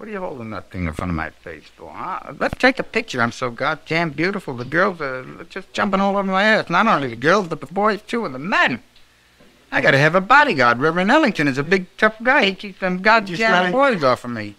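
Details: Real 1961 clinical interview of an adult male patient during a manic episode of bipolar disorder, energetic, disinhibited and grandiose with flight of ideas; pressured speech (mania).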